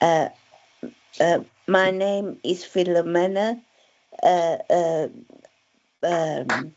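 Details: Aphasia following a stroke in December 2016, with word-finding difficulty.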